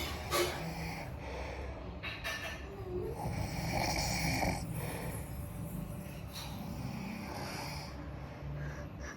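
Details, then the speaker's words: Father who fell asleep sitting up while waiting for the family to get ready, snoring audibly at home. "ಅಲ್ಲೇ ಕೂತ್ಕೊಂಡು ನಿದ್ದೆ ಹೊಡಿತಾ ಇದೆ ಯಾವ ರೇಂಜ್ಗೆ ಅಂದ್ರೆ ಗೊರಕೆ ಸೌಂಡ್ ನೀವೇ ಕೇಳಿಸಕೊಳ್ಳಿ"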